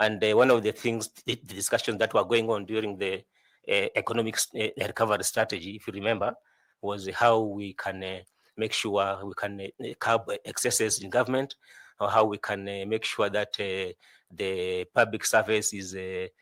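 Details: 41-year-old male candidate who says he stammers a lot; stuttering with repeated words.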